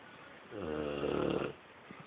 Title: Snoring boxer